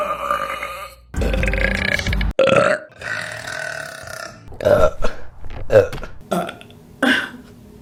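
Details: Repeated burping: a series of loud, deep, rumbling belches of varied length, separated by short pauses.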